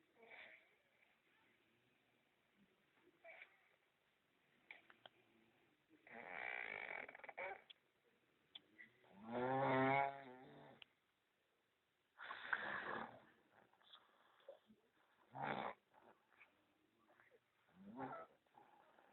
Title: Snore in sleep ( Chứng ngủ ngáy)